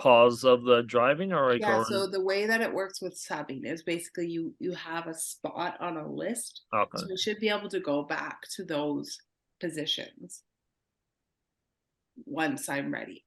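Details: Adult woman speaking; normal speech.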